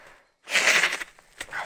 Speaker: Sorry for that noise. That's me sneezing.